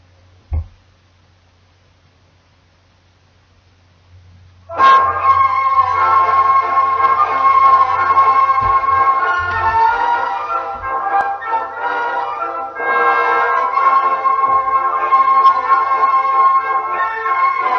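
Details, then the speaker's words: Normal-hearing simulation for comparison with conductive hearing loss: clear, crisp classical organ or keyboard music, presented as heard by a person with normal hearing. "The first demonstration is of a person with normal hearing."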